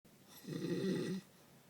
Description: Decided to take a clip of my cousin when he started snoring... he has some kind of sleep disorder and falls asleep anytime and anywhere, probably even if he was free falling from a plane.